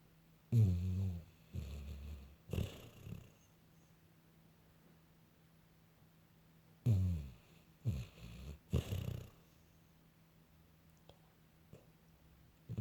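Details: Sleeping female puppy running in her dreams gives soft, irregular low snorts and snuffles in two short clusters with quiet gaps; light snoring.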